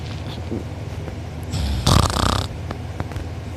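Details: Sleeper recorded by sibling, mouth open and drooling, sore uvula and soft palate afterward: low, rough rattling breath noise with one louder snorting inhalation amid steady background noise; loud snoring.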